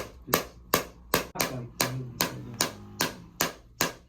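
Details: Radial shockwave therapy pulses: sharp, even clicks about 2.5 per second during a second session on the left SI joint, hip and lower back of a runner with nerve damage and a long-standing left hip problem.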